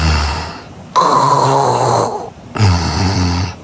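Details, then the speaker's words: Loud, rough benign snoring with low rattling sounds on the breaths, annoying to hear but not a sign of trouble, in contrast to apnoea-type snoring. "听上去让人恼火，但还是没什么事情。"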